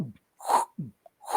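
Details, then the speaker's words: Vocal imitation of a regurgitant heart murmur from an insufficient (leaking) valve, with blood flowing backward as the ventricle contracts: low thumps alternating with breathy whooshes, imitating heart sounds. "si un paciente tiene por ejemplo una válvula insuficiente cuando se contrae el ventrículo Entonces se va a ir"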